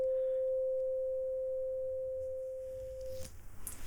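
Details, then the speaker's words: Rinne test in a simulated ASMR roleplay cranial nerve exam: tuning fork on the left side at position one, then position two, patient asked which position sounds louder. "now I want you to tell me quite simply which is louder position one or position two"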